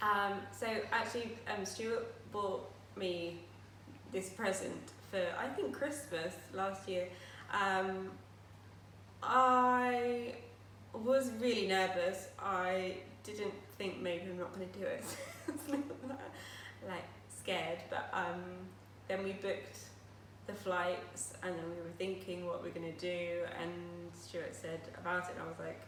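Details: Aphasia after a stroke 10 years ago at age 18; she still finds speech and reading difficult and says her speech is not perfect.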